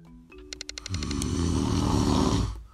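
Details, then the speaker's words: Own recorded snoring during sleep: a single loud, rattling snore on an in-breath after a few seconds of musical notes; habitual snoring that disturbs bed partners. "sound is me snoring I had never heard it before until I recorded it but every person that has slept next to me has suffered through it"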